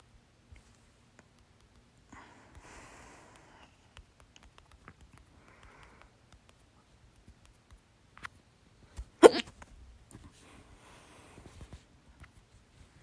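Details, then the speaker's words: Adult, after overeating (three cups of soda, chips with salsa, big meal): one sharp, loud hiccup, possibly with mouth open, in an otherwise quiet room with faint rustling; hiccups. "* Ich habe Schluckauf / hat Schluckauf, weil ich zu viel gegessen habe. *"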